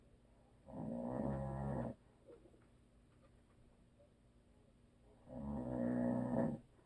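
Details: Two long, rattling, buzzy snores on breathing in, about five seconds apart, in a quiet room, from a husband who habitually snores loudly; audio only.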